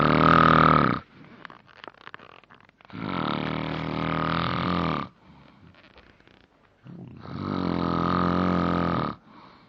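Loud, rough snores on each breath in, with quiet gaps between, about seven to eight breaths a minute; heavy snoring.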